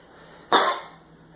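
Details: Long-haired albino chihuahua, first thought to have kennel cough, diagnosed by a vet with congestive heart failure and now on medication: a single harsh, dry cardiac cough burst.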